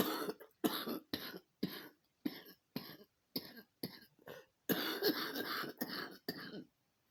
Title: another day another cough